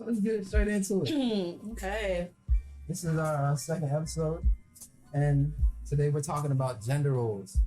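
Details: Adult speaker; ordinary speech.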